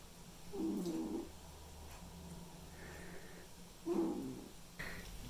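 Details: White and ginger male cat snoring while asleep: two soft, rattly snores with faint room noise in the background.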